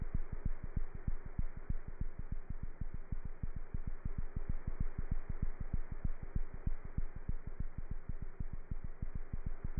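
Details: Cat's heart heard through a stethoscope: fast, very regular low thumps at about 190 beats a minute over a steady hum; normal cat heart sounds.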